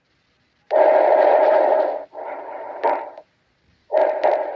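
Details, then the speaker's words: Normal bronchovesicular breath sounds, heard adjacent to the spine over the main bronchi; soft, even breath noise with inspiration and expiration of nearly equal length and a brief gap between them. "Entonces, eh como su mismo nombre lo dice, duran casi igual que la inspiración."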